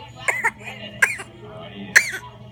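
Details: 4-month-old infant girl gives three small, soft cough-like bursts, a voluntary fake cough to get her mother's attention rather than illness.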